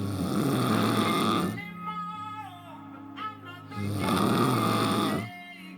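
Loud, rattling snores on breathing in, two long bursts a few seconds apart, with music playing in the background; heavy snoring.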